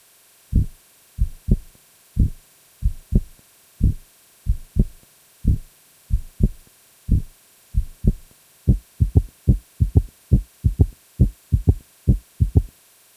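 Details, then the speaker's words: Simulated heartbeat with a soft, low-frequency third sound in early diastole after S2, played in slow motion then real time; best heard with the bell at the apex; third heart sound (S3, ventricular gallop). "S3 heart sound is a low frequency sound heard best with the bell of the stethoscope at the apex of the heart. It is heard in early diastily and is often referred to as a ventricular gallop."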